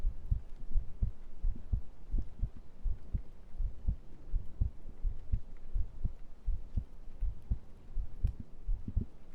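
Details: Heartbeat played during an ASMR stream: soft low thumps in pairs at roughly 80 beats a minute with faint rustling, picked up close to the chest; normal heartbeat.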